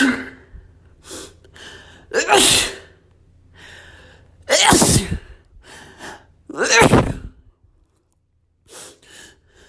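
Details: Escalating sneezing fit: three forceful sneezes, each louder than the last, with sharp inhaled build-ups between them; sneezing.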